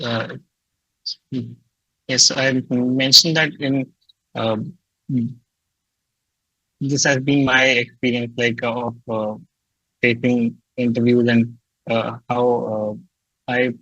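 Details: Adult man who stutters, reporting fear of stuttering and blocking before job interviews; stuttering.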